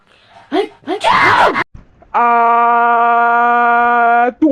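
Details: Voiced gasping intakes lead into a sharp, noisy sneeze burst, then a long, steady sustained voiced tone until the end: sneeze.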